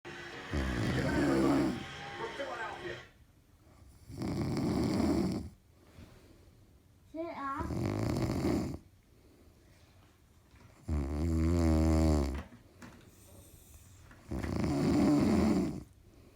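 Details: Loud, rattling snores about every three to four seconds, roughly 17 a minute, with quiet pauses between; heavy snoring in sleep.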